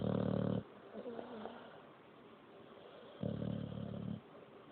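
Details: Boxer dog snoring loudly: low, rattling snores on the breaths with quieter breathing between.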